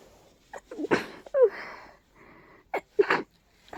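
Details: Several powerful, stuffy, partly stifled sneezes in quick succession with snorting breaths between, a sneezing fit after a day of stuffiness from flaring allergies.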